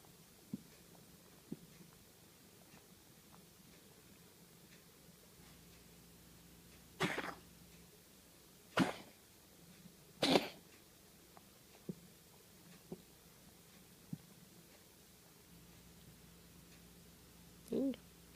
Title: Meowser coughing hairbal cat